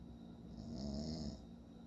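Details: Adult man (father) snoring: a single low, rumbling inspiratory snore over quiet room hum; ordinary snoring.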